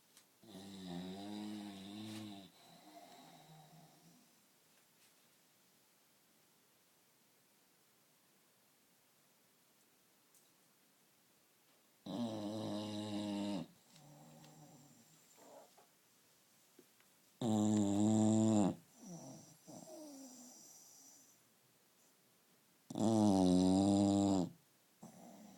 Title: Snoring dog, english bulldog